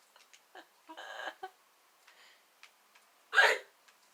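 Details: Girl hiccuping repeatedly after laughing while slouched; hiccups grew stronger after drinking too much water following Tums; later thought likely due to acid reflux disease: hiccups.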